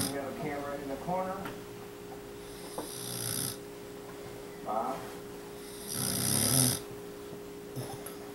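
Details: Sleeping person snoring, before a funny wake-up: two loud, rough snores about three seconds apart, a brief voice at the start, steady background hum.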